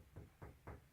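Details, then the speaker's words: Three hollow, low-pitched taps percussing the posterior chest, comparing sides in the same zones as auscultation, listening for dull versus resonant notes (e.g., hemothorax, pneumothorax); chest percussion demonstration. "y después procedemos a la percusión de qué manera vamos a percutir de igual manera en las mismas zonas que ocultamos"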